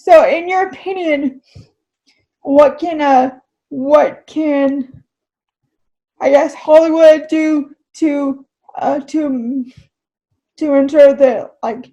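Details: Adult woman with cerebral palsy who reports struggling when she talks, in real conversation; dysarthria (cerebral palsy).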